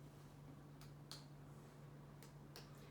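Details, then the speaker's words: Abdominal percussion during a routine physical exam of a standing adult: four soft finger taps in two pairs, tympanic over the intestines and dull over the organs. Normal findings. "and over the intestines, it's giving me a nice tympanic sound, and over the organs, a nice dull sound, which is exactly what we want."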